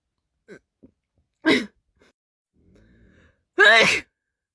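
Two loud sneezes, each preceded by a quick sharp inhale, with a quiet gap between them.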